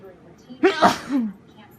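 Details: Single sneeze with a quick indrawn breath then a sharp explosive burst, during the worst day of a cold, sneezing into a handkerchief or uncovered.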